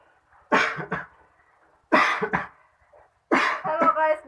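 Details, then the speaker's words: Pretend coughing in a prank faking illness with coughing and vomiting blood: three separate bouts, each a short burst followed by one or two smaller coughs, in a quiet room. "guys, dia batuk. Dia lagi sakit sekarang ya, jadi bingung nih maklum."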